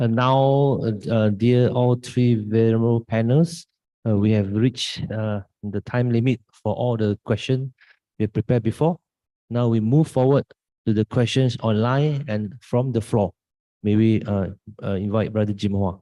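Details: Adult male moderator; ordinary speech.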